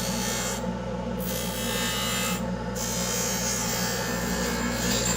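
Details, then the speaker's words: Steady motor hum with rough grinding and rasping as a dental lab lathe on high speed with a coarse wheel trims the border of a Hawley retainer during a lab repair. "okay turn on that and and turn on the lathe and I'm going to turn on the high speed and then we're just going to trim the border of this"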